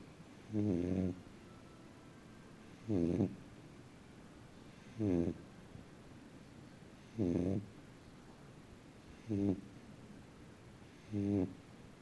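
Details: Regular, low, rattling snores on each breath, about 29 a minute, in a quiet room; snoring.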